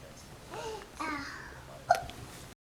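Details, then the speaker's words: Hiccups in a young child who says "excuse me" after each one: soft babbling and room noise, then one sudden sharp catch of breath. "Are you going to say excuse me every time you hiccup? Do you have the hiccups?"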